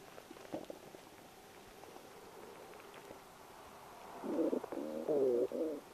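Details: Adult's stomach in the morning, several recordings edited together: gurgly bowel sounds (borborygmi).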